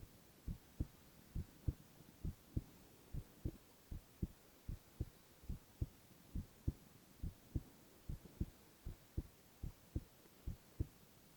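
Steady paired heart thumps at about 68 beats a minute over faint hiss: regular heartbeat.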